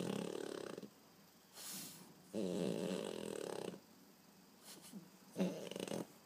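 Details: Loud, rattling snores on each in-breath, about three in six seconds, with softer airy out-breaths between, from a sleeping dog: snoring.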